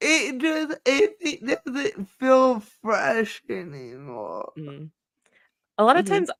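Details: Woman with cerebral palsy, which she states is the cause of her speech and cannot be changed; dysarthria (cerebral palsy).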